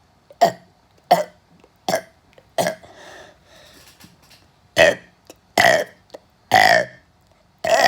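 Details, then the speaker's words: Deliberate repeated burping for one minute: a run of about nine loud, voiced belches at a steady pace, with a brief breathy pause midway. "hi everybody it's winter pro games one now i can't get terminated so i'll just be burping here"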